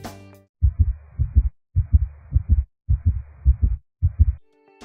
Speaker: трехчленный ритм возникающий из-за слияния третьего и четвёртого тонов в один дополнительный тон такое состояние часто наблюдается при